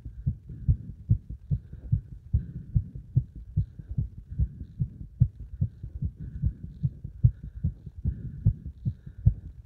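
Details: Heart sounds after stacking a beeper (beep test) and squats: fast, regular heartbeat, roughly 145 beats a minute, crisp paired thumps; normal quickened heart sounds after hard exercise.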